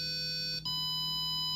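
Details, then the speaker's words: Steady, buzzy hearing-test tones from an 8-ohm speaker driven by a 555-timer PWM amplifier, stepping up in pitch from 20 Hz toward 2, 5, 10 and 20 kHz; the tester reports hearing up to only 16 kHz. "two kilohertz five kilohertz 10 kilohertz and 20 kilohertz which i cannot hear whatsoever the max i can hear is actually 16 kilohertz as i've tested"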